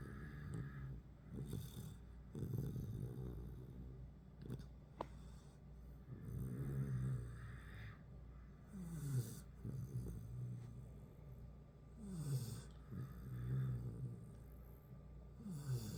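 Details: Cane Corso puppy and Great Dane sleeping and snoring: irregular low snores and snorts with overlapping breathing sounds.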